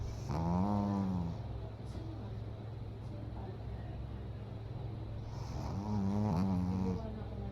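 Two long rattling, whistling snores from a pug, with steady engine-like hum in the background; snoring.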